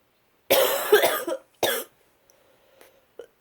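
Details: Two explosive sneezes, a long one then a shorter one, followed by faint sniffles, during a morning head cold in someone who rarely gets sick. Sneezing.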